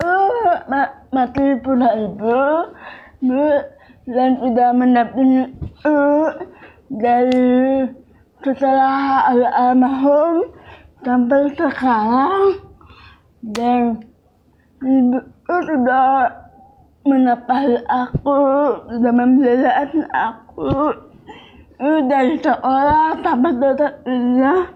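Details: Young woman with cerebral palsy and speech difficulty since childhood; finding: dysarthria (cerebral palsy).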